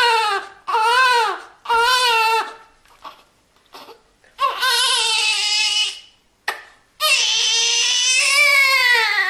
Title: Baby Crying Sound Effect / Sound Of New Born Baby Crying / Child Cry Sound